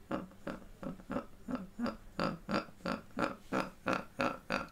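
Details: Man with severe Tourette syndrome producing a raven/crow-like vocal tic; the episode lasted two to three hours, hurt his throat, and left him temporarily unable to talk; vocal tics (Tourette syndrome).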